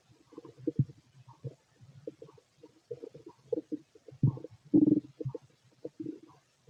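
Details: Fit male's abdomen heard through a stethoscope while digesting pastry, chicken, curry, bread, milk, eggs and pasta: frequent low gurgles and bubbling rumbles in irregular runs; ordinary active bowel sounds.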